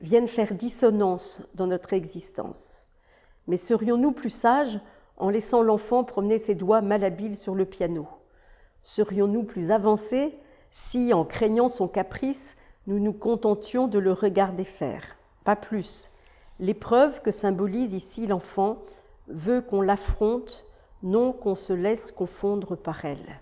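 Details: Adult woman speaking French; typical speech.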